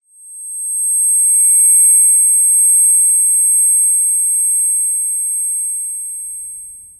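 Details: Simulated tinnitus ear-ringing sound effect: a steady, very high-pitched pure tone that swells in and fades out.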